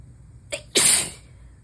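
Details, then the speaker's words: Adult with a new cold, possibly recurring in waves after allergy-like spells, during a sneezing fit: a quick catch of breath, then one sharp, explosive, hissing sneeze. "I don't know what's going on. I do know that I am gonna fucking sneeze again."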